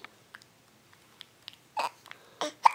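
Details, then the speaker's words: Baby girl with hiccups while smiling and trying to poop, as her mom talks to her: small, abrupt voiced catches in quick succession with soft clicks between. "yeah look at your oh you hate those hiccups huh what the heck are those huh wa"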